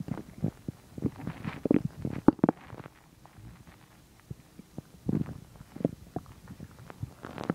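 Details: Stomach growling while digesting chicken and milk: gurgling, bubbling rumbles in bursts with quiet gaps; bowel sounds (borborygmi).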